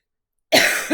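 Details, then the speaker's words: A single harsh, noisy cough burst from an adult with a common cold, no fever, cough began days earlier and became intense with coughing fits; the cough is cut off at the end. "i haven't had one in four years so the cough is intense uh it's funny when i cough i sound like my mother"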